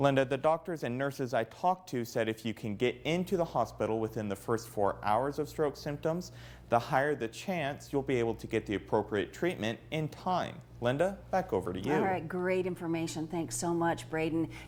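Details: Adult male reporter, with a second voice briefly at the end; Typical speech.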